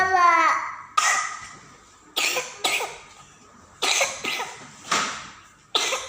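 An infant gives six short, harsh, somewhat wet-sounding coughs, a cough that goes with pneumonia.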